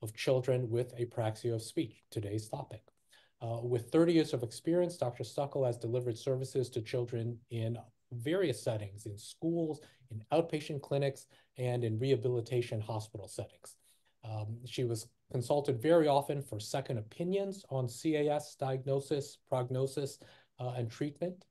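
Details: Adult male speaker (host); Typical adult speech.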